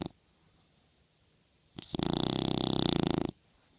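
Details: Small toy dog sleeping and dreaming on a pillow, snoring: one long, buzzing, fluttering vibrating snore after a short quiet breath.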